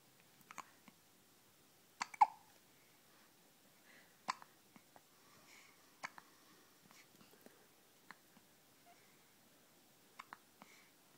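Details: Hiccups in a dog named Lila: soft, sharp little hic sounds repeating at uneven intervals in a quiet room with faint background rustle.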